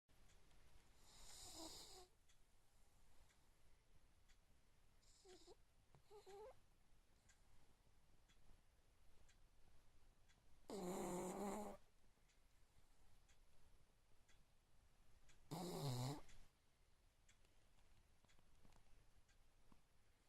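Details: Snoring King Charly: soft snoring with a few loud rattling snores on breaths in, irregular, roughly 13 a minute, over quiet room noise.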